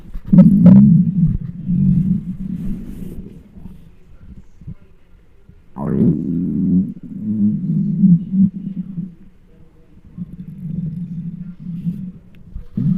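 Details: Loud, long, low gurgling and rumbling stomach growls in waves with brief quiet gaps, recorded with a microphone on a very hungry adult's belly: borborygmi, normal hunger bowel sounds.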